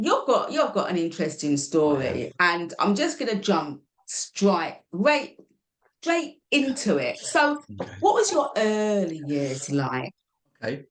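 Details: Adult speaker in conversation; normal conversational speech.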